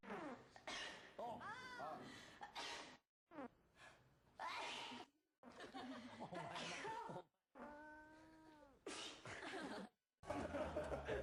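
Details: Compilation of separate sneezing clips: a string of sneezes, some with a sharp in-breath and voiced burst, split by brief cuts between sections; ordinary sneezing.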